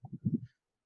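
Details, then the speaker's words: Child naturally asleep in the pre-op area after a prior adenotonsillectomy: brief harsh, low-pitched noisy breath, stridor suggesting a laryngeal problem. "is having some kind of a laryngeal problem so it is kids like this and what the parents come out with is just tip of the iceberg"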